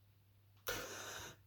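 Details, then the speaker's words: An adult with dystonia imitates the single sharp, noisy indrawn gasp of waking after breathing stops while dozing off, recurring nightly (nearly hourly last night); cause unknown. "I keep randomly stopping breathing in my sleep. And it's something that I've had in the past. I have had something similar in the past, and it keeps waking me up."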